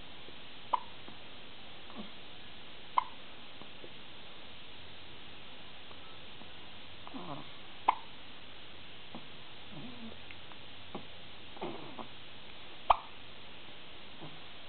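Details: Hiccups in a 1-month-old infant; four sharp hiccup clicks at irregular intervals over about fifteen seconds with quiet baby noises between them.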